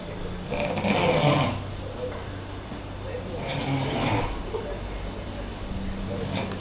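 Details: Snoring: an adult man asleep in a shared room gives two loud, rough, rattling snores on breathing in, about three seconds apart, likened to a siren, with low room noise between.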